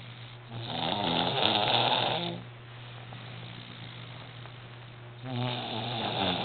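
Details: Two long, loud, rattling snores on breathing in, separated by a quieter breath out; snoring.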